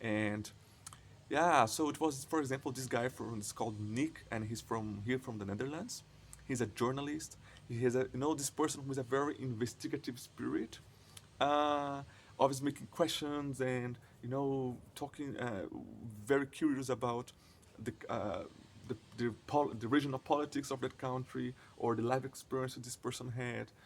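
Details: 20-year-old Brazilian man speaking English, whose stuttering is mostly prolonged sounds and blocks with silent moments; stuttering.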